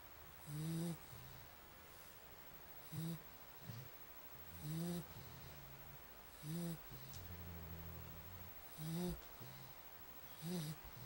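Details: Darbi snoring loudly: rhythmic low rattling snores with a breathy hiss, about 30 a minute, over steady room noise; snoring.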